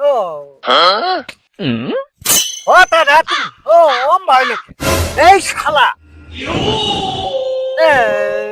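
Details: Stuttering acted by actors in a comedy skit about two people who stutter, not real; finding: stuttering (acted).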